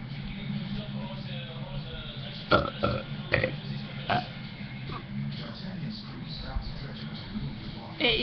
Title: Burping Vowels